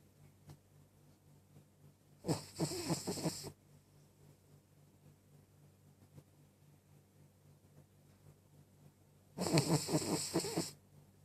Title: Cavalier King Charles Snoring